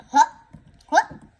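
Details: Hiccups: two short, abrupt voiced gulping catches about a second apart.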